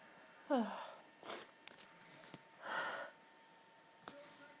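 Several brief, muffled bursts with a catching breath, sneezes held back with the mouth closed.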